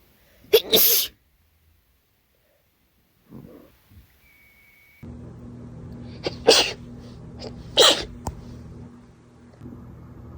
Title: Very wet sneezes after a party + bonus sneezes at the end